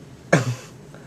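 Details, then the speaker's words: Newborn girl on her first day of life, about 24 hours old: a single short, sharp sneeze in a quiet room. "Everybody bless you little baby. That's the first sneeze I got to ever see you have."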